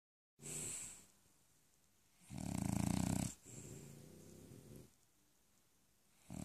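Loud rattling snores on the in-breaths with quieter out-breaths, two full breath cycles heard; a sleeping dog snoring.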